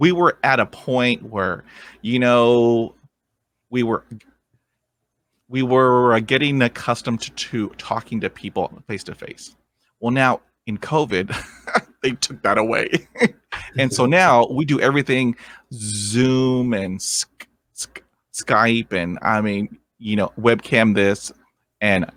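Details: 23-year-old man with lifelong stuttering, first vividly remembered around age seven, struggled through school; has had speech therapy and an intensive fluency program; real adult stuttering.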